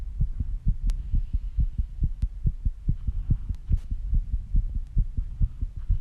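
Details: Own heartbeat recorded after rebreathing and squats, with heavy breathing: fast, steady low thumps at roughly 140 a minute with faint hum: rapid heartbeat (tachycardia) after exertion.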